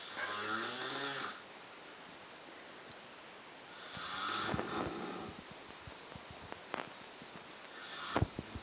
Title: Three animals snoring in a room ...